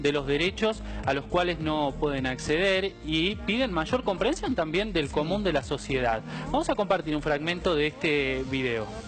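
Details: Adult male speaker; typical speech.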